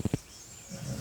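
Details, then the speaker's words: A female dog asleep on a chair after a long walk and a big meal snores: two short, low, rumbling snorts, a pause, then a softer rumble building again. "and if you can hear snoring in the background i'm sorry that is"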